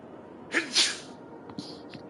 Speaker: hold on i'm gonna sneeze